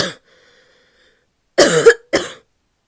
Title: barky coughing fit (f)